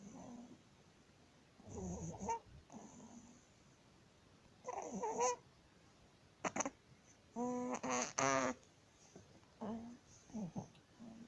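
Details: 19-day-old baby with laryngomalacia; noisy, squeaky, musical breathing heard as inspiratory stridor.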